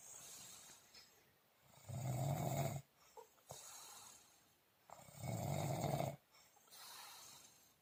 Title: Deep sleep with snoring